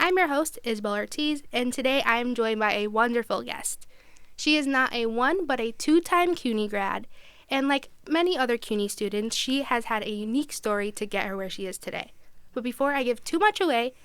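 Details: Adult woman speaking; Normal speech.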